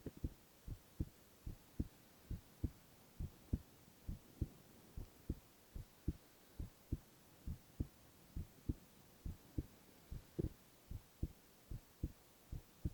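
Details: Boy's heart sounds, ASMR recording: steady, regular low paired lub-dub thumps at about 67 beats a minute with faint background hiss; normal heart sounds.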